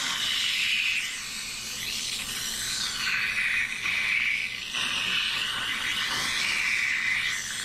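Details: High-volume evacuation (HVE) dental suction through the M7 swivel suction mirror in a product demonstration: continuous high-pitched hissing rush, tone shifting slightly as the mirror moves, faint music underneath; dental suction.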